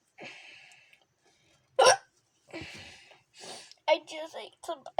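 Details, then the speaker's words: Hiccups in a child: a sharp, abrupt hiccup sound among short vocal sounds, with faint music behind. "i was about to play the laundry somewhere later but then i got hiccups so oops"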